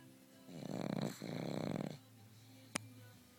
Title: Snoring pug